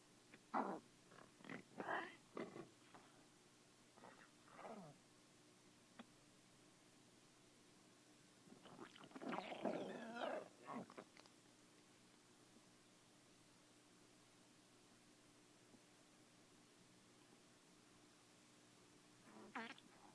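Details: A dog's stomach producing irregular, loud gurgling and rumbling bursts: borborygmi, or loud bowel sounds.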